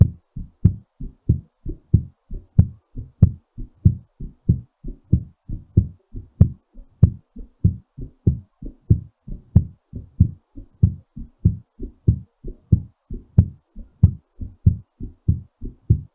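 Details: Steady, strong low heartbeats at about 94 a minute, quickened during recovery after exercise; heartbeat.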